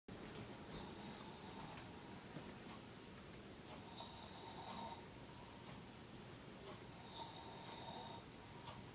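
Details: Adult man (a father) snoring while asleep: three rhythmic rasping breath sounds, about 19 a minute.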